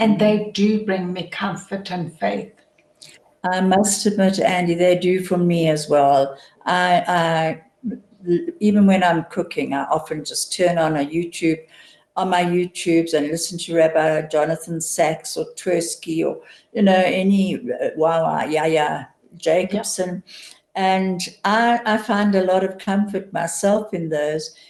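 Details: Adult woman speaking; normal speech.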